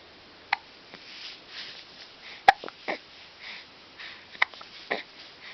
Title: More Hiccups